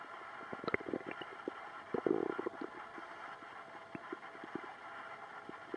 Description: My stomach was doing funny noises the other night. I recorded it.